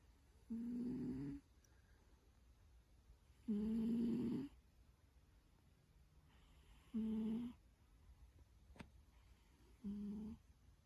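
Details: Pet asleep and dreaming: four evenly spaced buzzing snores, about 20 breaths a minute, over quiet room hum. Steady snoring during sleep.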